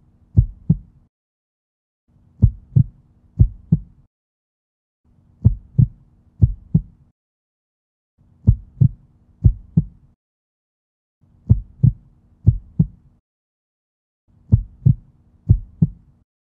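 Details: Edited heartbeat recording with every third beat left out: pairs of lub-dub beats separated by repeated pauses, simulating dropped beats.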